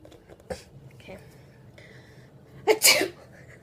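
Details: Acted sneeze demonstration of types of sneezes around people: a quick staged double burst after soft voices, an imitation rather than a real sneeze.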